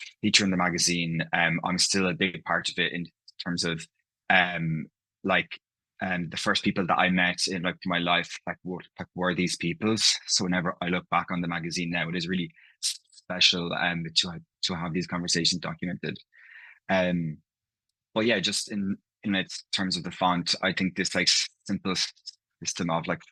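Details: Adult man from Ireland, living in London, who stammers, with part-word and whole-word repetitions heard in his speech; stammering (stuttering).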